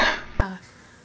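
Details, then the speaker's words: Unwell adult, sick again, with a rough voice and taking cough medicine: a rough, voiced throat-clearing ending in a single sharp cough burst, then quiet. Finding: cough / throat clearing. "I am sick again. We probably shouldn't be talking right now because my voice sounds like this, but I just wanted to show you how bad it is."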